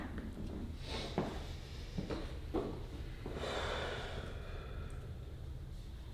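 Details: During a light-touch chiropractic adjustment, as breath tone shifted with released emotion identified as frustration and slight anger, several short, sharp nasal bursts, then a longer breathy exhale in a small room: snorting breaths.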